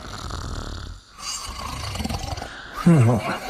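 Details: Mimi and her dog sleeping and snoring together: low, rumbling snoring ending in a louder snort, with some background noise.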